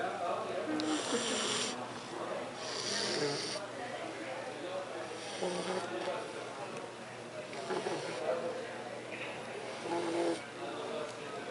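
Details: Sleeping bulldog snoring: rough, noisy snoring breaths in irregular cycles, about 26 a minute, over steady room noise.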